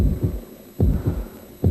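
Steady low lub-dub heart sounds at about 72 beats a minute over a faint hum; a normal heartbeat.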